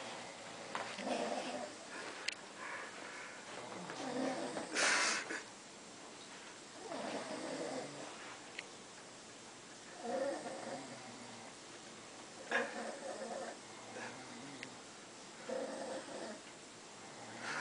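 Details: Two drunk adult friends passed out on a bed snore in alternation, each giving rough, rattling breaths roughly every three seconds; snoring.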